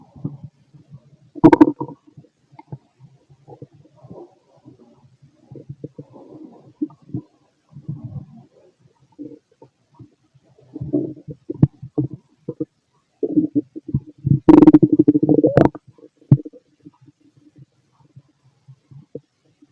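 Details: Fit adult male, stethoscope on the abdomen during digestion after a meal of pastry, chicken, curry, bread, milk, eggs and pasta: irregular gurgles and bubbling squeaks with a few louder bursts; ordinary bowel sounds.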